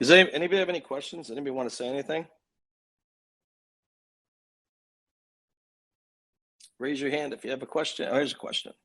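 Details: Adult man speaking; normal voice.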